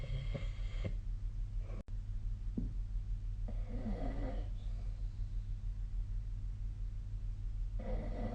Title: 🐽 本日のイビキ / Snoring Sleep Sound 2025/02/01